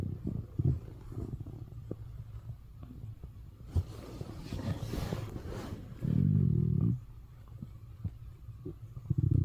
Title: morning stomach growls【turn your volume up】